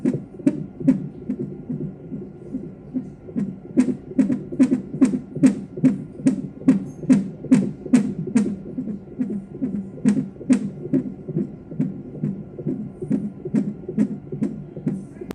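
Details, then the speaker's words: Fetal heart monitoring at a 24-week pregnancy visit, female fetus: fast, regular galloping whooshes at about 143 per minute; a good continuous strip with variability, small accelerations and no major decelerations; normal fetal heart rate. "But luckily I was able to get a really good strip and she looked perfect on the monitor."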